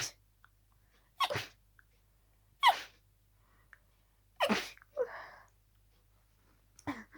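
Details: Harsh sneezing fit from a cold, sneezes intensified by the cold, unable to stop: a run of sharp, harsh sneezes about every second or two with little breath between them.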